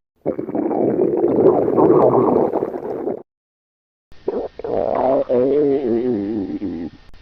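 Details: Stomach growling (borborygmi).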